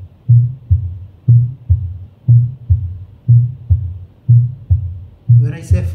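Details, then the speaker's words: Auscultation over the aortic area in a patient with pure mitral stenosis: the second heart sound is not single, with an extra sound after it, the opening snap. "So second sound is not single. There is an extra sound after second heart sound. This is opening snap."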